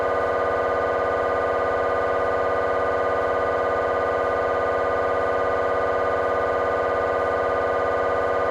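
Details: Temporal bone (Felsenbein) MRI on a GE 3T scanner, coronal T1 fast spin echo sequence: loud steady buzzing drone of rapid regular pulses about 200 a minute; normal MRI scanner noise.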